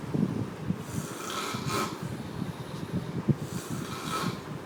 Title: Biggest Snore ever